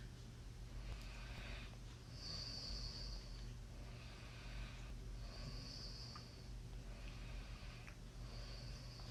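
Soft, rhythmic rasping breaths with a hissing edge, about three cycles in nine seconds, over steady low room hum; quiet snoring.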